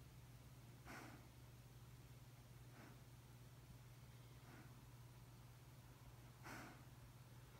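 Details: Greyhound dozing off after a tummy rub: four soft, snorting breath sounds over about seven seconds against a steady low hum; snoring.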